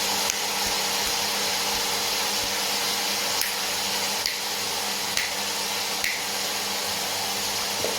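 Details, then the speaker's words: Nosiboo Pro electric nasal aspirator for babies running at minimum suction: steady motor hum with a high airy hiss and faint periodic clicks, louder than hoped. "so for us at least this was no way near as silent as we hoped it would be but then again neither is this"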